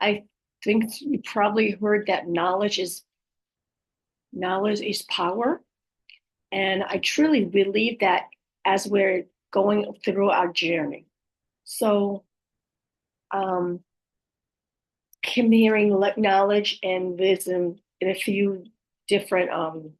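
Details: Aphasia with apraxia of speech and dysarthria following a stroke in an adult woman, who says her speech can be hard to understand at times.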